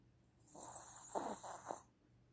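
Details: Snoring during a nap: a single rough, fluttering snore with a snorting quality on the breath, lasting about a second and a half.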